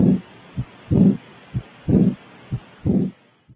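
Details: Teaching recording, stethoscope auscultation of the heart: regular heartbeat at about 62 a minute; each short thump is followed by a longer, blowing sound, consistent with the diastolic murmur of aortic regurgitation.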